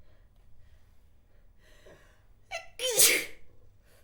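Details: A single adult female sneeze: a quick indrawn breath followed by a sharp, hissing burst of air.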